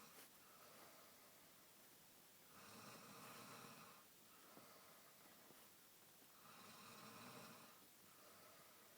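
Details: Man snoring: two long, rough rattling inhaled snores about four seconds apart, with quiet breathing between them, in a small room.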